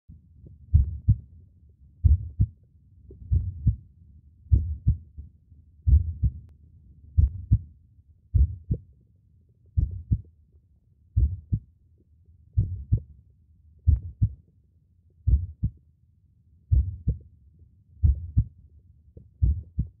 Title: 1 hour of sound of a slow heart beat, black screen